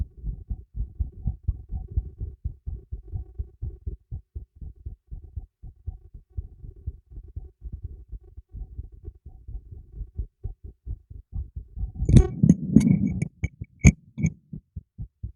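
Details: Rapid, regular low thumps of the recorder's own heartbeat picked up by a new microphone secured beneath a teacup, with brief handling noise near the end; normal heartbeat.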